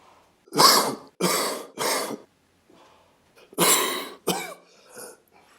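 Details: Cough: two clusters of harsh, dry coughs, a run of three then two more, with a short pause between.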